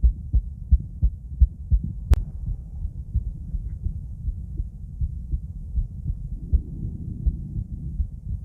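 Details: Female heart auscultated with different stethoscopes at Erb's point, mitral, tricuspid, aortic and pulmonic areas: low muffled heartbeats near 85 a minute under rubbing, one sharp click; normal heart sounds.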